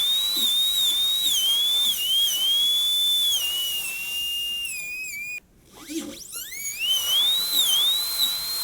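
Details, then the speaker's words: Dental drill cutting tooth: high-pitched whine wavering, briefly stopping and restarting, refining tight occlusal clearance toward the mesial and distal, checked by patient opening and closing, during gold onlay preparation on tooth #18. "there's a couple of places that we need to refine just a little bit right there"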